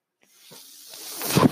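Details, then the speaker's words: Mechanical ventilator breath from the speaker's own ventilator, heard during speech: a soft airy hiss builds steadily over about a second and ends in a louder rushing puff. "hello everyone my name is that noise you're hearing my ventilator"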